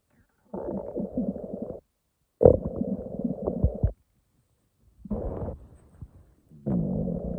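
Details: Morning stomach growling on waking: long gurgling, rumbling bursts separated by silence (borborygmi).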